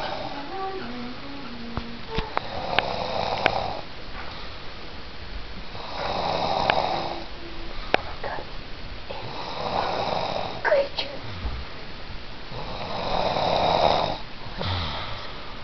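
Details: A sleeping person, jokingly called a snoring beast, heard while others played a video game: rough, rattling snores on each breath, roughly 16 a minute, with faint talk and noise in the room.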